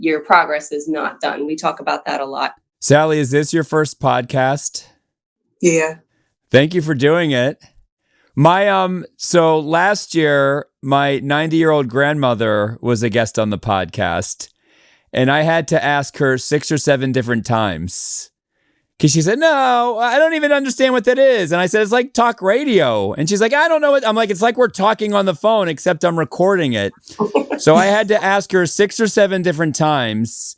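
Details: Adult speakers in conversation, mainly one woman; ordinary conversational speech.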